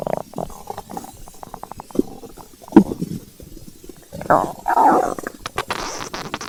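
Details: Stomach growling from hunger (ASMR recording): irregular low gurgling and rumbling with crackly bubbling bursts; ordinary borborygmi.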